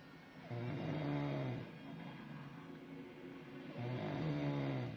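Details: Adult human, nicknamed a grizzly bear, who denies snoring: two loud, rumbling snores on inhalation with a quieter breath between; ordinary snoring.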